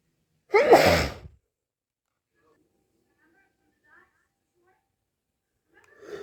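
One sharp, loud sneeze with a quick intake before it, then near silence: a single sneeze.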